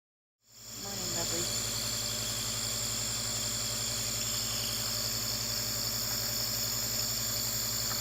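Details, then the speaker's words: Nebulizer in use on an infant, shown in a home setup tutorial: steady loud hiss and hum of the running compressor, with faint sounds near the start. "I'm going to attach a clip of Brighton just using the nebulizer for a few seconds just so you can see what it looks like"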